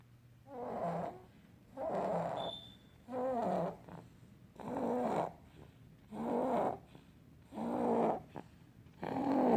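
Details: Baby boy snoring during sleep, recorded from age 2 to 7 months: regular rough snoring with each breath in, about 40 breaths a minute.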